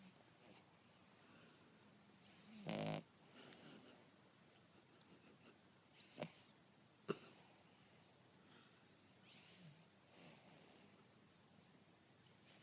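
Quiet room with a few scattered rough, snorting breath noises from a sleeping small dog; snoring.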